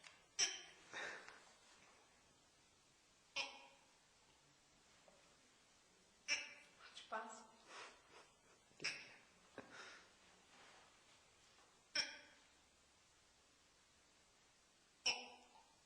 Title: Pretty lady with a fast case of the hiccups. As seen on Youtube but edited